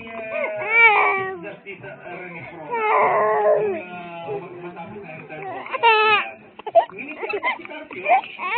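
An infant cries in repeated wailing bursts with rising and falling pitch and brief whimpers between.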